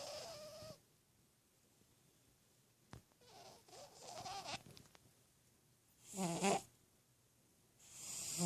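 Soft, irregular snuffling breaths and snorts with quiet gaps; a sleeping cat's snoring, a harmless sound.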